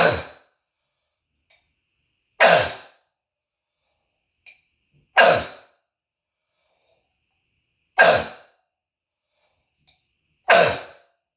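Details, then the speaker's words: Adult with self-described croup/bronchitis cough and throat tickle, recorded as a cough sound test; five loud, harsh, barking coughs about two and a half seconds apart, echoing off walls; barking croup cough. "see I have a tickle up in my throat and I have to cough it up I can't help it"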